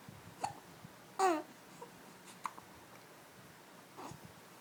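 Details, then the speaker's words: Baby getting mad at her hiccups: four brief, abrupt catching sounds over about five seconds in a quiet room. "You got the hiccups? You got the hiccups? What?"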